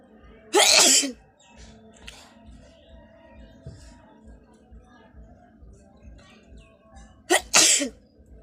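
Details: Woman feeling unwell, eyes watering, sneezing and nose blowing on camera: two forceful sneezes several seconds apart, the second a quick double burst, over soft background music.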